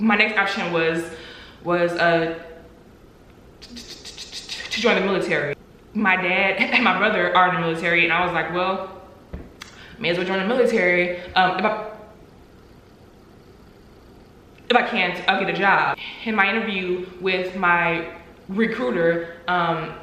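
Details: Adult woman with stuttering, real and not acted; stuttering.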